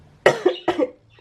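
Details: Child sick with a viral illness, resting in bed with medicines nearby: two short, harsh cough bursts.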